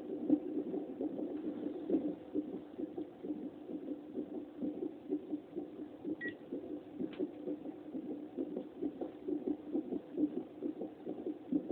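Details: Fetal heartbeat on a fetal Doppler monitor: rapid whooshing pulses at roughly 130 a minute over background hiss.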